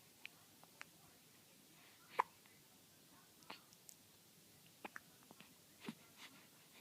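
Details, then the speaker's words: Baby with hiccups. "We don't like those hiccups, do we?"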